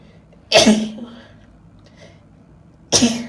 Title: Can't Stop Sneezing 🤧 (F) Happy Thanksgiving!